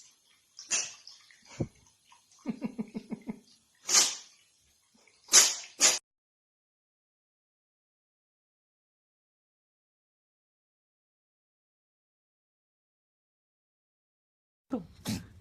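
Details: Sneezes of various pets from a compilation: several short, sharp nasal bursts after some snuffling and a brief run of quick low grunts; a normal sneeze reflex.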